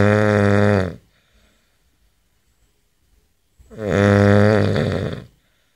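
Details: Adult man asleep, recorded May 2011: two loud, rumbling inspiratory snores separated by a quiet pause of a few seconds; heavy snoring.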